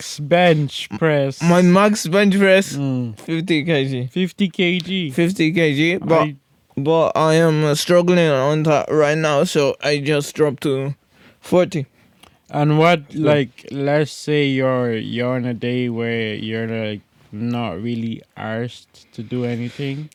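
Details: Podcast host with cerebral palsy-related speech impairment; severe stuttering in childhood treated with speech therapy, still stutters a lot; stuttering with word and phrase repetitions.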